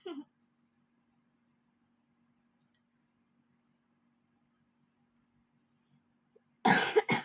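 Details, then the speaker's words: Faint throat sound, long near-silent pause, then a loud burst of one or two dry coughs from a person doing Islamic jurisprudence homework; cough. "aku batuk ya guys. Ntar ya guys, dikit lagi selesai."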